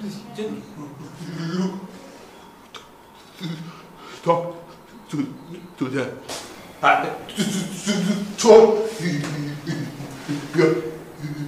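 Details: Acted stuttering by a male actor playing a stammering customer character in a comedy skit; stuttering (acted).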